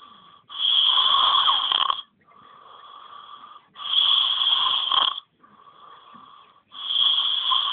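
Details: Sleeping boy: a loud, high-pitched whistling snore on each in-breath with a softer tone on the out-breath, about 20 breaths a minute; snoring.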